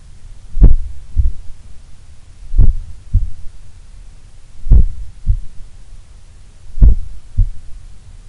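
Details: Relaxed adult resting in a sun room, possibly the lowest resting heart rate recorded so far: four slow, regular lub-dub heartbeats, about 28 a minute, with low hum between beats; unusually slow resting heartbeat.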